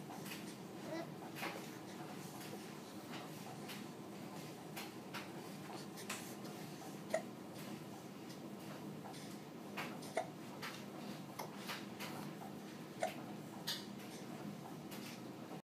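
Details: Infant aged 15 weeks and 3 days: quiet gurgles and soft baby sounds with a few sharp hiccup clicks about three seconds apart; ordinary infant hiccups.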